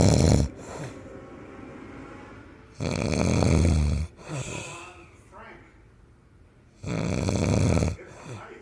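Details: Loud, deep, rattling snores about once every four seconds, with softer breathing between them; snoring.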